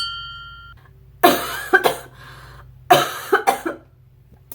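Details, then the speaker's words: Productive cough after eight days with post-nasal drip and dry throat; doctor said lungs sound great: two bouts of harsh, wet coughing, three or four coughs each, with rattling phlegm, clearing mucus. "so you actually the reason it sounds so gross it's because my cough is actually productive as it is successfully rounding up all the mucus and shoving it up"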